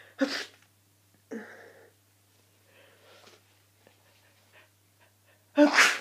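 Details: Repeated sharp sneezes in a person with hay fever and a cold, very sneezy today: two sharp sneezes separated by quiet breathing and sniffles.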